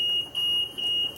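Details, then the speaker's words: Infant Star ventilator alarm after the PEEP setting (set at 5) was adjusted: a steady high-pitched electronic tone with brief dips, and a louder, more active hiss from the high pressure relief valve. "it's beeping at us, saying, hey, you got a problem here."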